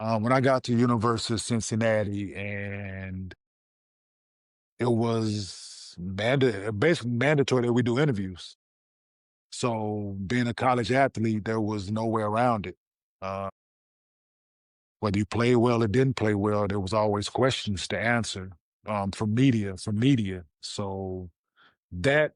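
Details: 47-year-old man with stuttering since childhood, who had speech therapy from third grade, has a father who also stutters, and avoids difficult words.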